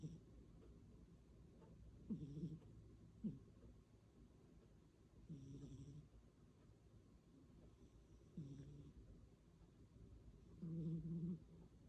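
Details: Soft, regular snoring from a sleeping cat, about 20 breaths a minute, with low rattling sounds on each breath.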